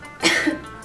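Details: A single short, sharp acted cough from an adult in a cough-syrup TV commercial, with faint music in the background; part of a scene where a whole wedding party is coughing.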